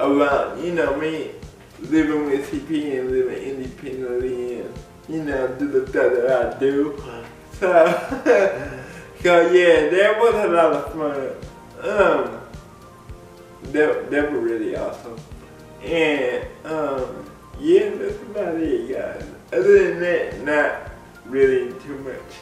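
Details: Adult man with cerebral palsy speaking in a video blog; dysarthric speech (cerebral palsy).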